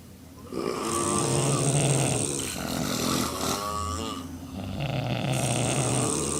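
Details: Four adult women, drunk, asleep in a hotel room: loud, continuous overlapping snoring with rough low rumbles and higher whistling snorts mixed together.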